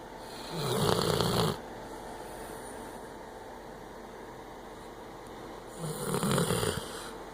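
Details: Two loud, rasping snores about five seconds apart, each a rattling noise on breathing in, with quiet breathing between, from Kane, a pet that sleeps deeply on the owner's lap.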